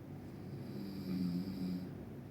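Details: Loud, low rumbling, buzzing snore on inhalation, rising and falling over about two seconds; a sound-effect recording of snoring.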